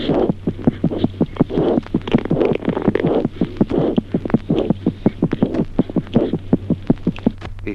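Rapid, crisp paired heart sounds with a steady low hum behind them: normal newborn heart sounds on auscultation.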